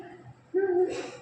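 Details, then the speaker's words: Wheeze shown in a talk on phlegm, caused by narrowed airways: a brief, steady musical whistle on the breath. It can be heard from a distance and also through a stethoscope on the chest. "यहाँ सांस की नली सिकुड़ रही है, कहाँ, आपके अंदर में, तो क्या होगा, म्यूजिक निकलेगा।"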